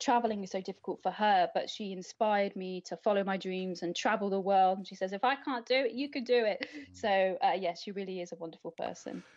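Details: Adult woman speaking; typical speech.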